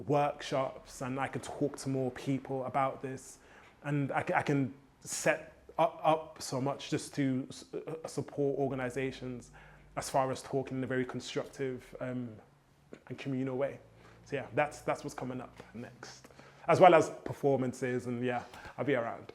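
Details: Adult man who has stammered since childhood; copying rhythmic hip hop flows helps his fluency; stuttering.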